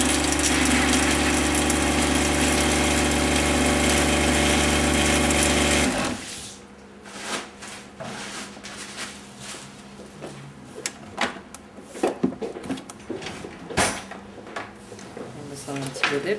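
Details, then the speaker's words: Loud rapid mechanical rattling and humming for several seconds, then clicks and handling noise, as a dental amalgam capsule of mercury and powder is mixed in a vibrator; amalgam capsule mixing. "à l'intérieur il y a une petite capsule de mercure et de la poudre et ça ça va se mélanger en vibrant d'accord alors quand on mélange quand on mélange ça se met dans un vibreur"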